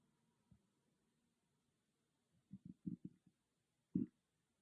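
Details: A loud stomach growling, recorded on an iPhone with no ASMR microphone: soft low gurgles and a quick series of bubbling pops ending in one louder gurgle; ordinary bowel sounds (borborygmi).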